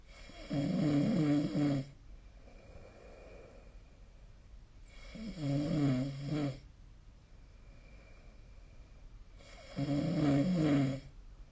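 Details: Snoring during sleep recorded with SnoreLab phone app: loud regular vibrating snores on each breath in, quiet breath out between, about twelve breaths a minute.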